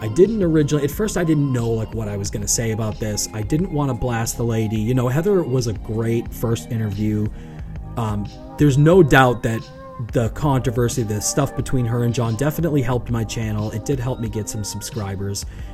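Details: Adult male speaker; normal speech.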